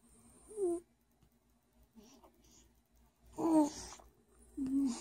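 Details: Irregular squeaky whistling and rattling snores on each breath, with quiet gaps between, from a sleeping dachshund alongside a baby: snoring.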